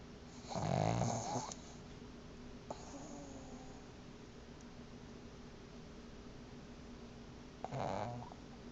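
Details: Pet named Tila in REM sleep: two loud, deep rumbling snores about seven seconds apart over steady room hiss; snoring.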